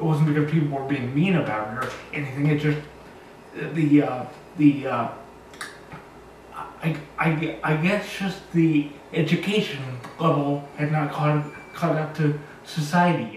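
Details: 36-year-old man with cerebral palsy, born two months premature, describing himself as very high-functioning; dysarthric speech from cerebral palsy.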